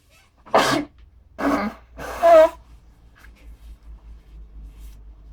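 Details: Three sneezes in a row, the last one voiced and drawn out, in a quiet room with low hum, from a man feeling unwell, burnt out and coughing.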